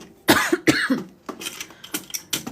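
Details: Cough from a pregnant woman who describes a persistent cough as one of her pregnancy symptoms; a burst of two dry coughs followed by softer throat sounds.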